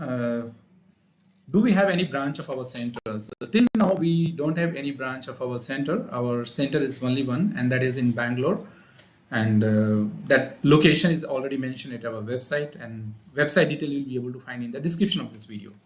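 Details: Adult man speaking; normal voice.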